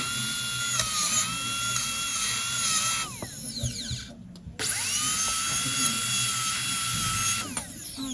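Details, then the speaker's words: Steady high whine of a dental drill, stopping briefly and restarting, as a needle-form bur bevels the enamel and proximal surfaces before composite restoration to close a diastema. "so I need to decrease this area and I will do billing usually How We Do Bing with needle form bear it could be green blue whatever you"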